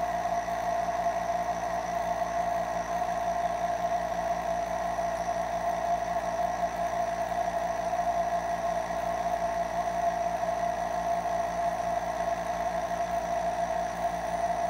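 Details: Nebulizer compressor running.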